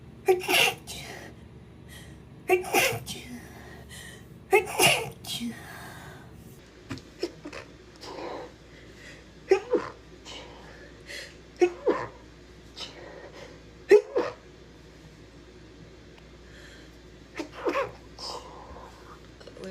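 A run of repeated sharp sneezes, several in quick succession with quieter breaths and vocal sounds between, in a small room.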